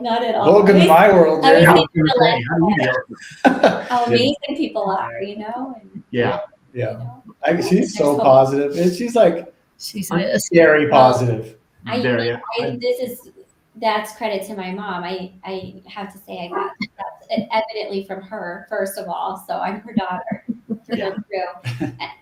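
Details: Aphasia after a severe stroke in 2020 in an adult woman, global aphasia affecting expressive speech, with ongoing word-finding difficulty.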